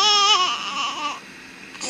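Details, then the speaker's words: Brief fussy cry of a newborn baby fading into soft whimpering, during the diaper change, feed and burp routine. "diaper check I wish there was like an instant bottle warmer because he gets so mad oh it's still cold say hurry up hurry up bottle warmer"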